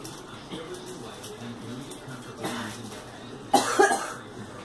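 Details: Girl gives a few coughs, a softer one then a louder double cough, over faint room noise and quiet voices; cough.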